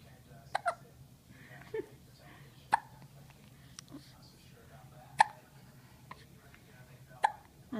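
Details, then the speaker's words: Girl with hiccups: repeated short, sharp hiccups at irregular intervals, about every two seconds, over quiet room noise; ordinary hiccups. "Do you have those hiccups? Huh? Do you have hiccups? Those bold hiccups."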